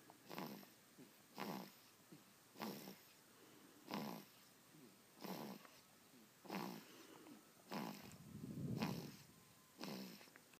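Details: Baby snoring loudly in deep sleep: short, soft, noisy breaths with a light snoring rattle, about 50 a minute.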